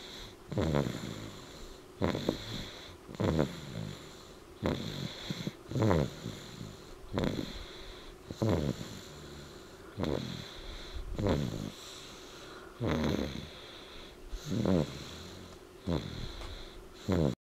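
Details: Regular rasping snores, each with a shorter catch before it, about 23 a minute over quiet room noise; steady snoring during sleep.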